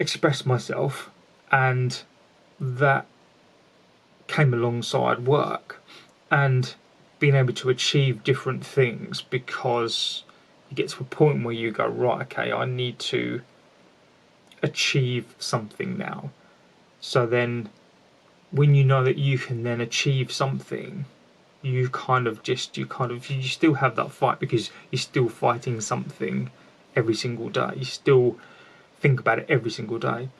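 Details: Lifelong stuttering (stammering) in an adult man, present since childhood, with repetitions in this stretch.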